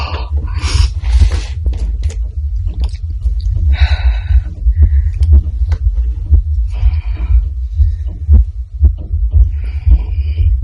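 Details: An adult woman's own heartbeat, fast and deep at about 120 a minute with clicks and room noise; a rapid heartbeat during a reborn doll unboxing, said to calm after opening.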